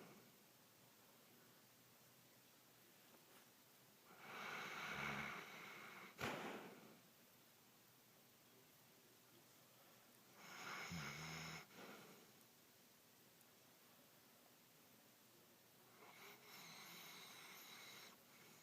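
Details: Three noisy, snorting inhaled breaths at about 10 a minute, separated by quiet pauses, with one sharp click between them; snoring.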